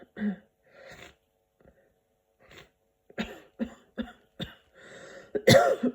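A series of short, sharp cough bursts in a quiet room, ending in one loud harsher burst; coughing with a cold.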